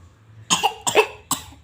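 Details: Young child drinking water straight from the bottle gives three sharp, wet-edged coughs in quick succession after swallowing the wrong way; cough after drinking.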